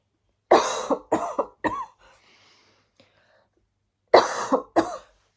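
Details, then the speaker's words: Adult gives a run of three harsh coughs, pauses, then coughs twice more. "et je me mets à tousser parce que je sens que tout ça est très très juste"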